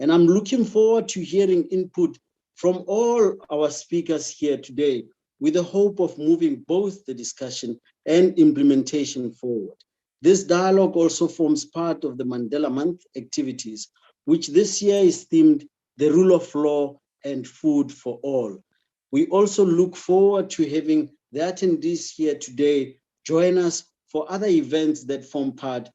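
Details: Adult speaker; normal voice.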